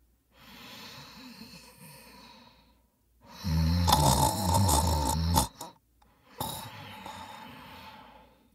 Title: Snoring Sound Effect 😴 Epic Snoring Sounds